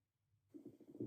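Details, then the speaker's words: Adult's stomach growling (borborygmi) caught during a podcast recording; the speaker says they are starving. After a quiet start, a low gurgling rumble with bubbling pulses rises over half a second. "It's my stomach growling. I'm starving."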